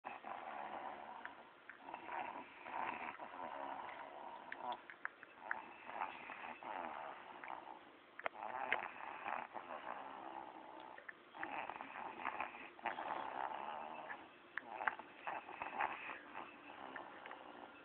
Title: My Baby Bully sleeping and Snoring.. Classic...LOL